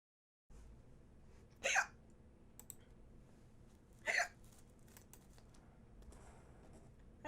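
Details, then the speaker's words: Two sharp, brief hiccups about two and a half seconds apart from a female streamer with repeated hiccups, who guesses she ate her food too fast; keyboard clicks in a quiet room; hiccups. "I've got some hiccup problems going on lots and lots of hiccups I now Siri annoying yeah why do you think that's going away you hear these freaking annoying hiccups"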